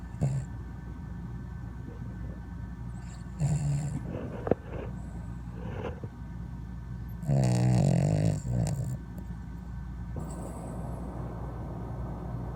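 Low rumbling snore bursts from a sleeping dog, with a louder throaty snore near the middle and faint room noise.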